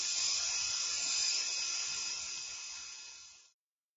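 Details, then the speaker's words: A high, steady hiss with a thin whine for about 3.5 seconds; an arthroscopic drill drilling the medial femoral condyle of a 56-year-old woman with varus deformity and medial compartment degenerative bone-on-bone lesions. "This has completed the drilling over the middle tibial plateau. We are now drilling over the middle femoral condyle. Same technique."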